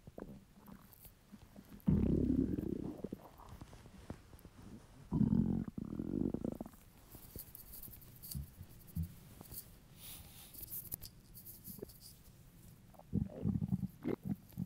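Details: Low gurgling rumbles in a few bursts separated by quiet stretches from a hungry stomach; normal borborygmi.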